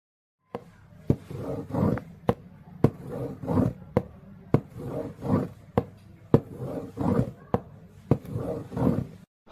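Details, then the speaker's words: Simulated ejection systolic murmur of aortic stenosis, produced with a cardboard box for auscultation teaching: imitated heartbeat with sharp knocks followed by rising-then-falling whooshes. "ejection systolic murmur in aortic stenos"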